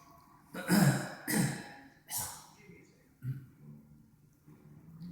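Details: Three harsh, breathy cough bursts followed by quieter throaty sounds from a baby aged 2 weeks 6 days; cough.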